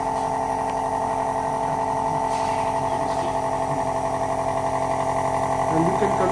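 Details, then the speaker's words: Otica ONEB-2 portable compressor nebulizer just switched on via the rear switch, medicine inserted: loud, steady buzzing motor drone of the compressor running normally. "now there is one switch on the back side you have to switch it on on this side machine machine has started coming"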